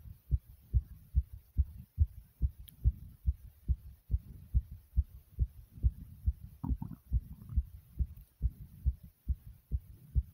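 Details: Person's own heartbeat recorded after doing several exercises: loud, regular thumps about 140 beats a minute, a fast heartbeat after exercise (sinus tachycardia), a normal response to exertion.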